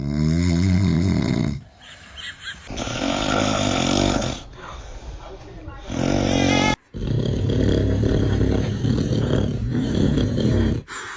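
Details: A dad snoring: loud rattling adult snores broken by brief pauses, with edited cuts between segments, from a compilation of baby reactions to dad snoring.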